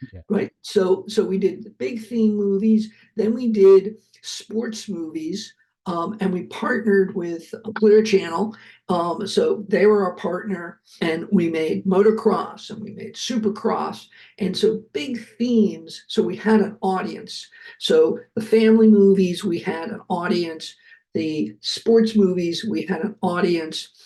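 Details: Adult man who survived a heart attack and has aphasia, speaking right after noting that his aphasia was kicking in; aphasia.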